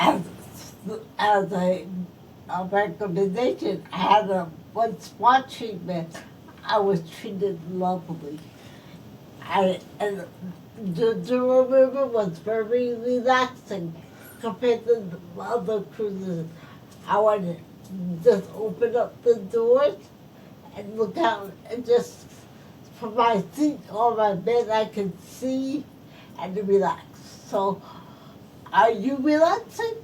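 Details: Adult woman stroke survivor whose speech is affected by her stroke; speech has repetitions and broken phrasing; post-stroke speech impairment.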